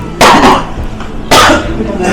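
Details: Two harsh, forceful coughs acted in a hospital drama of pulmonary tuberculosis: adult man, cough nearly two months, coughing blood, fevers, weight loss, night sweats, chest pain, breathlessness; simulated.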